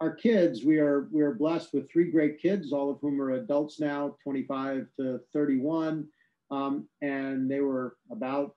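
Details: Adult man speaking; Normal speech.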